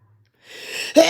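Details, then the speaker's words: Adult with a cold, nasal congestion and a sinus infection, with a tickle in the nose: a rising breathy inhale building into one abrupt sneeze; sneeze. "And I can't seem to sleep with the damn congestion. Oh dear. Is giving me trouble making me sneeze."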